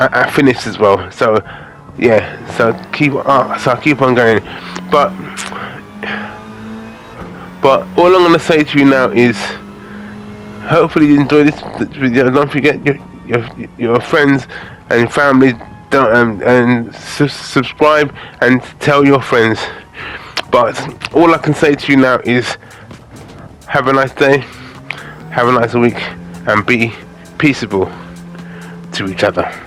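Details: Aphasia in a man after a major stroke in August 2013; he records gaming commentary as speech practice to improve it.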